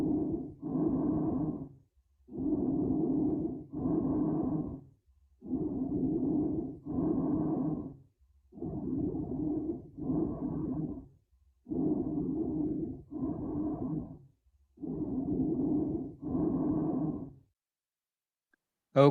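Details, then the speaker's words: Bronchial breath sounds played for a respiratory assessment and lung sounds review, with an audible gap between the inspiratory and expiratory phases. "so were you able to appreciate the gap between The Interpreter case and the expiratory phase yes yes okay great thank you"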